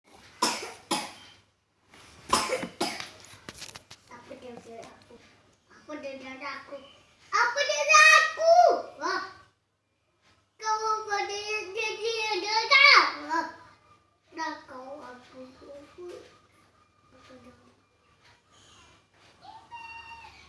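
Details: Child coughing while playing Upin Ipin: several sharp coughs in a quick cluster, then playful chatter and unclear vocal sounds in a small room.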